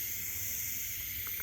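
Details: Steady high-pitched hiss of gas as a portable medical oxygen cylinder valve is opened counter-clockwise one full turn with the cylinder wrench and the regulator pressurizes, before nasal cannula use.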